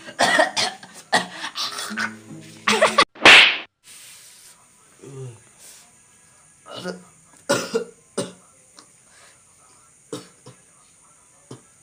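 Several loud acted coughs and throat sounds, some with groaning, over background music and a steady hiss; imitated coughing in a comedy sketch.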